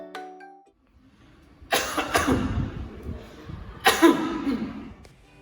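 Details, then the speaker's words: After a brief chime, an adult gives three harsh, explosive, uncovered coughs over faint music, acted to demonstrate the wrong way to cough. "itu merupakan cara batuk yang salah"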